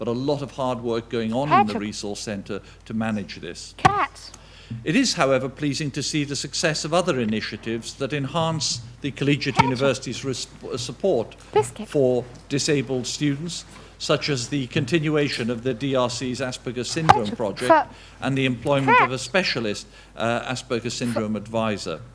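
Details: Adult speaker giving a lecture; ordinary speech.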